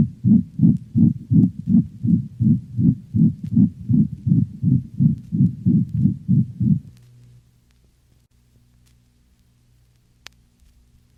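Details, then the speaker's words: Dog, heard along the cranial left ventral thorax: rapid heartbeat with loud, intense, high-frequency crescendo-decrescendo (diamond-shaped) systolic murmur that may obscure other heart sounds; pulmonic stenosis. "it is a high-frequency sound heard most distinctly along the cranial left ventral thorax notice how the loud intense sound heard with pulmonic stenosis may obscure other heart sounds"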